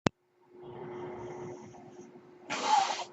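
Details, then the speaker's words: Podcast host's own mechanical ventilator heard while he speaks: a steady low hum and whoosh of airflow, then a sharp hiss of air release. "everyone my name is that noise you're hearing is my ventilator and welcome to page-turners"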